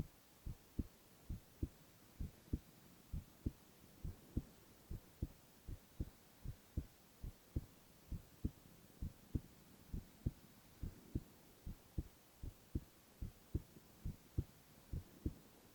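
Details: Silent ASMR recording of a male's continuous heart sounds: steady soft paired thumps at about 94 beats a minute, regular rhythm, no extra noises; normal heart sounds.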